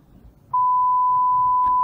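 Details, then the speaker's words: Pure-tone audiometry (PTA) demonstration: a steady pure beep, a 60 dB tone played through headphones, heard by a person whose threshold proves to be 40 dB; test tone. "들었으니까 소리를 줄여서 60dB 소리를 들려줍니다. 역시 소리를 들었다고 하네요."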